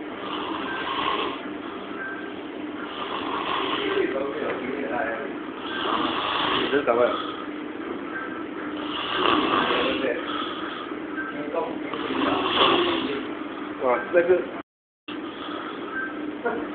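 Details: Sleeping adult man snoring: loud, rough snores roughly every three seconds, close to the microphone, with a droning background; snoring.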